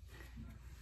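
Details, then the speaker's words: Woman who is fasting and hungry: brief low, irregular gurgling rumble of her stomach growling (borborygmi). "Ooh, y'all hear that? It's my stomach. I'm trying to fast."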